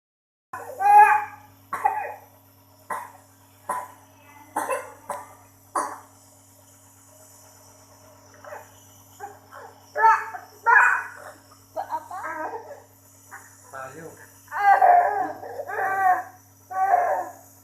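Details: Repeated short, loose coughs in bursts with some fussing from an infant with a cold and phlegm that is hard to bring up, during doctor-advised nebulizer steam therapy; productive wet cough.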